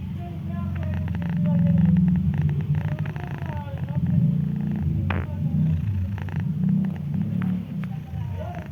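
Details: Ginger cat with a little cold, already given medicine, sleeping: loud, rattling low snore with purr-like fluttering and faint squeaky noises; congested snoring.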